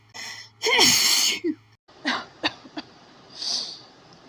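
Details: Woman's sneezing fit set off by flowers, tickly and itchy, tried to stifle: a sharp inhale then a loud sneeze, followed by small sniffs and a breathy exhale.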